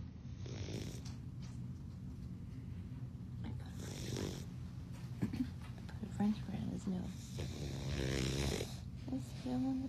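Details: Low, rumbling snores from a sleeping dog, with a person talking softly over them in a small room; ordinary snoring.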